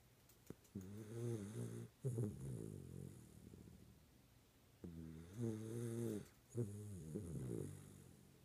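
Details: Schnauzer dog snoring while asleep: loud, rumbling, droning buzzy snores, two breath cycles with snorting on the in-breath.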